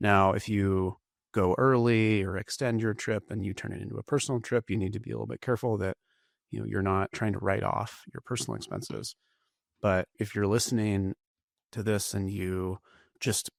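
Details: Adult man speaking; normal voice.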